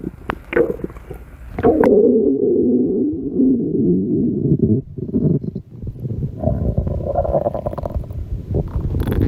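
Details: Woman in a bikini with audible stomach growling: long, low, rolling growls and gurgles from the belly lasting several seconds; ordinary borborygmi.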